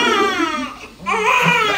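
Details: Vigorous, loud, high-pitched newborn cry with brief breaths between bursts, just after a normal birth; the baby had already passed stool inside the womb.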